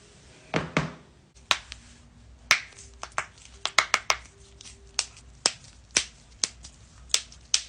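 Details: Compilation of joint cracking: a rapid series of about fifteen sharp pops and cracks, typical of harmless joint cavitation.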